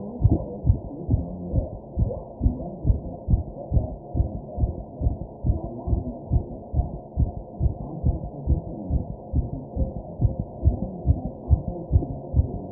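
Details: Person's own fast heartbeat while taking deep breaths: muffled, regular low thumps at about 140 a minute with a steady hum beneath; fast heartbeat.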